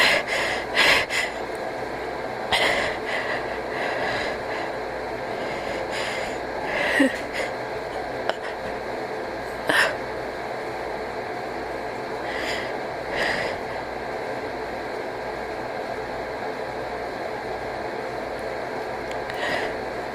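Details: A cat that is wheezing, gasping and sneezing: short, sharp nasal bursts and gasping breaths against steady room noise, fitting wheezy, labored breathing; sneezing and gasping breaths.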